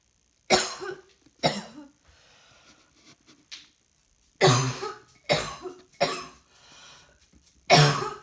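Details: Six separate harsh coughs with pauses, some in quick pairs, plus faint throat noise in a quiet room, from a person coughing while trying to work and feeling rather hot.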